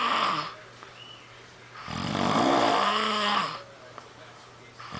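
Loud, rough snores on each breath in, separated by quieter breathing out.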